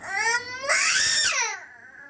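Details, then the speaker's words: Toddler boy cries after being told off for wasting something: a short burst of crying with a rising, then falling wail. "Waste చేయొద్దు అనింటే ఎట్లా ఏడుస్తాడో వెంటనే వచ్చేస్తది ఏడుపు expressions మారుతున్నాయి స్లోగా"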